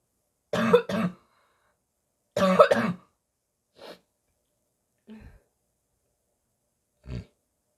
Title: Barking cough, gagging, spitting